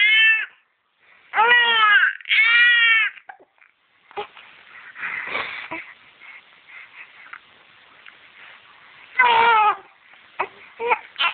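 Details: 9-week-old infant crying in short wailing bursts with pauses, whimpers and breaths between, upset by hiccups; infant cry.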